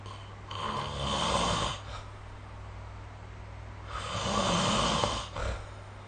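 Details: Snoring recorded with a smartphone snore-tracking app: two breathy, rattling snores on inhalation about 3 seconds apart over a steady low room hum.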